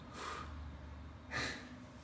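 Two short, forceful noisy nasal bursts of air, snorting, over low room hum.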